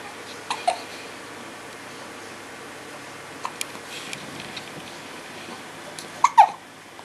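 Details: 10-day-old baby with hiccups: several short, sharp hiccups a few seconds apart in a quiet room, soft baby sounds between.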